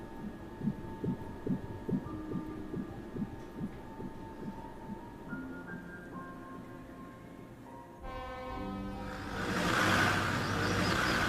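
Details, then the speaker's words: Fetal heartbeat in a dramatized film scene: rapid, regular, soft thumping at about 140 per minute on a monitor, then rising music. "Oh, yeah, there he is. Is that the heartbeat? Yes."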